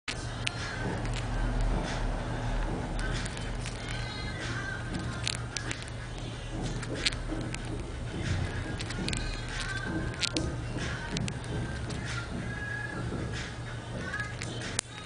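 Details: Cockatiel grinding its beak while relaxing after a bath: soft, irregular clicking and scraping over a steady low hum; beak grinding (bruxism).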